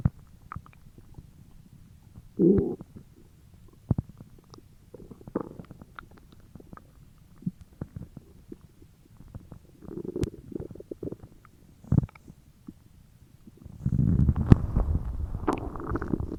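Low gurgling and bubbling stomach growls, intermittent with a longer rolling rumble at the end; ordinary bowel sounds.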